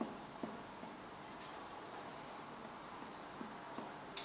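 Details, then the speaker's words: Soft, brief two-finger taps over the upper lobes of a healthy adult's chest during a cardiorespiratory assessment give a hollow, resonant note, no dullness: normal resonant percussion over lung. "So what I'm going to do is just put 2 fingers on, and then just give him a nice tap, and I'm just looking for a normal resonance. I don't want any dull noises, because that indicates maybe a build-up in the lung itself."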